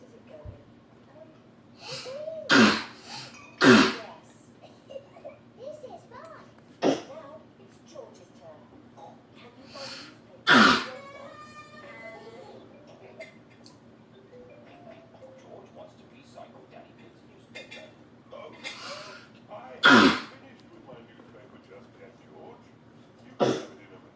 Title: coughing